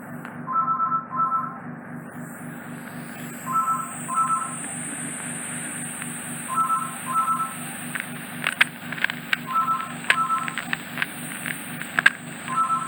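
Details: Microsuction clearing ear wax from a traumatised ear canal, with peripheral wax left to remove and a possibly slightly retracted eardrum: steady high hissing suction over a low hum, with short beeping bursts and clicks.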